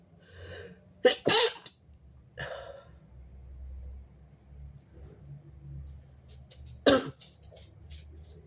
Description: strong, wet, big and stifled messy sneezes + showing snot